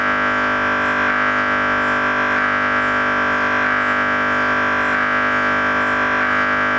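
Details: MRI scanner noise while running: a loud, steady electronic buzzing tone with rhythmic pulses about once a second.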